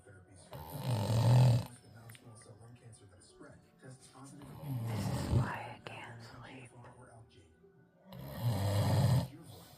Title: the snore machine 2024 on sale now!!!#viral #subscribe #funny #nedia#snore#